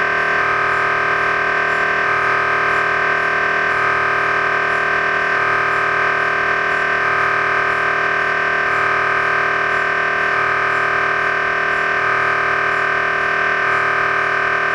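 Loud, steady electronic droning with rapid rhythmic knocking that repeats in regular cycles, typical of an MRI scanner running a sequence.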